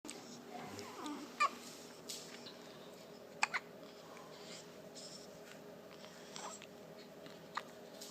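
Four short, sudden clicking catches spaced irregularly over quiet room noise; hiccups.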